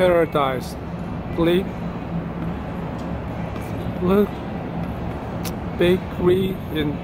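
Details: Vlogger with aphasia after a stroke, speaking in their own daily-life vlog; aphasia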